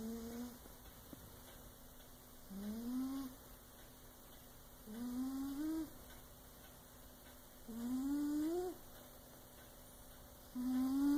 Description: Cheshire the cat snoring like a man!